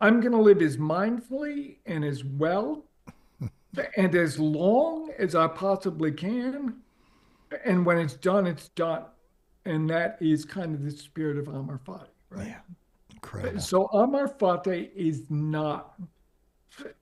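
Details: Adult man with ALS diagnosed four and a half years earlier and now near end stage; paralysis spread from right calf through legs, core, arms and hands to the neck; uses a ventilator to inflate his lungs to speak; difficulty speaking and breathing; dysarthria in amyotrophic lateral sclerosis.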